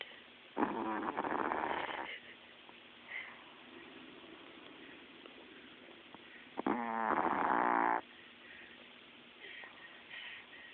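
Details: Dog snoring like a grown man while fast asleep at night; snoring.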